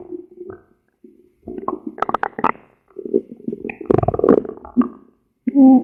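Gurgling, rumbling bursts with squeaky tones from the abdomen: stomach growling, ordinary bowel sounds.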